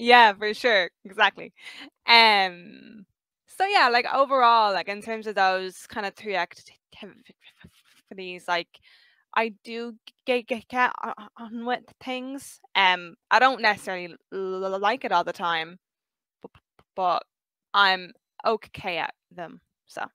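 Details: Stuttering since about age five in a 23-year-old; word and part-word repetitions; stuttering.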